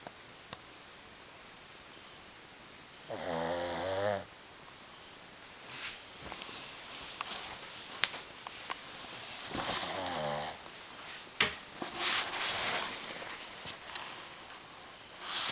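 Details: Snoring while sleeping on a bag: two buzzing snores about six seconds apart, with clicks, rustles and room noise between them.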